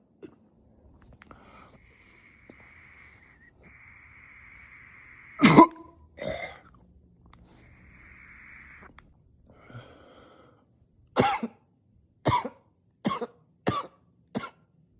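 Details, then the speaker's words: Acted unstoppable coughing fit, trying to be quiet coughing into a pillow: muffled coughs then five sharp, loud coughs in quick succession over faint background hum. "Oh my God. I can't stop coughing."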